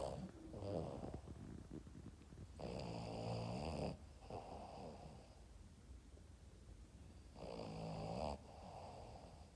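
Low rattling snores on the breath in, alternating with softer breaths out, about two cycles in ten seconds: a small dog snoring.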